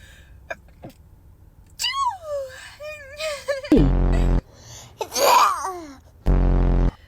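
Drawn-out voiced wind-up breaths, then an abrupt noisy sneeze burst, with loud buzzing edited sounds between.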